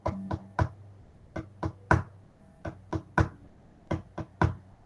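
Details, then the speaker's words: Tapped imitation of heart sounds in groups of three, a third sound just after the second, as heard in a young person when listening over the precordium: third heart sound (S3). "pueden llegar a identificar el tercer ruido de otro se va a sentir así"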